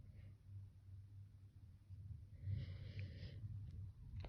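Low, rough nasal snorting noises with a raspy, wheezy edge; irregular snorting breaths, no clear sneeze.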